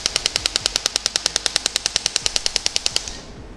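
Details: Shock wave device treating the Achilles tendon, moving up the tendon: rapid, evenly spaced sharp clicks, about 200 a minute.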